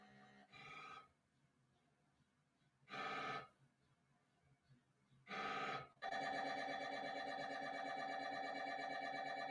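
Recorded MRI scanner: repeated bursts of loud electronic buzzing separated by pauses, then a sustained rapid buzzing tone, typical of scanner gradient noise.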